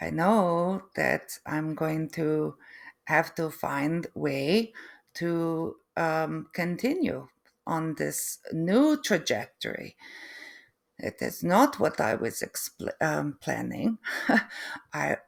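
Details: Adult woman with post-stroke aphasia and apraxia of speech, plus foreign accent syndrome that began three months after the stroke; difficulty putting sentences together and unable to write; foreign accent syndrome with aphasia and apraxia of speech.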